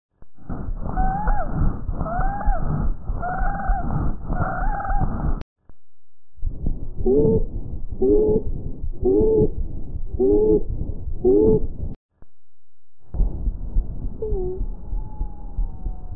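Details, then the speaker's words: Teaching example of lung auscultation: high-pitched, musical, whistle-like tones riding on breath sounds; wheezes (sibilancias), adventitious sounds from narrowed airways. "las sibilancias que son ruidos agudos como un silvido"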